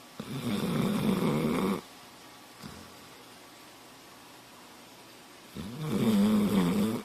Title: Когда собака храпит громче хозяина